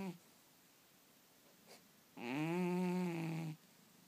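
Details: Sleeping cat snoring while dreaming: a single drawn-out, low, buzzing snore in a quiet room.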